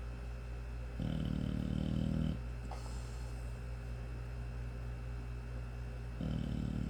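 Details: 5-month-old American Bully puppy asleep, with low buzzing snores on the in-breaths and quieter breathing between them over steady room hum; puppy snoring.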